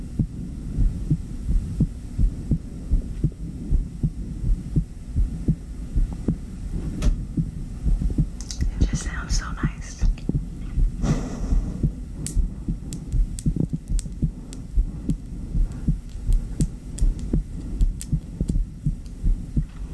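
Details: Heartbeat through a stethoscope after exercise, quick and strong at about 82 a minute and said to be slowing down, with faint heavy breathing in between; an ASMR recording.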